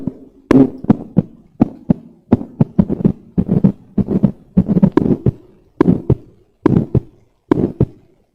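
Paired sharp heart sounds repeating at about 70 a minute: clear first and second heart sounds on a teaching recording.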